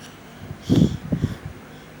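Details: Sick cat with cough and cold that has grown thin: short snuffly, snorting breath noises consistent with nasal congestion.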